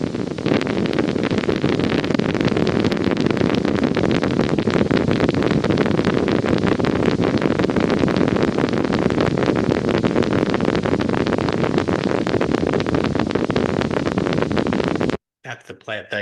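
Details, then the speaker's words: Dense, continuous rain-like crackle of tiny regular clicks almost filling the baseline on needle EMG: grade 3+ fibrillation potentials. "it's almost completely filling the Baseline it's three plus and then really dense completely filling the Baseline would be four plus fibrillations"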